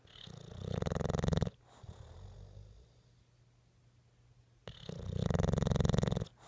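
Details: Sleeping bulldog snoring: two loud, rattling snores on the in-breath separated by a quiet out-breath.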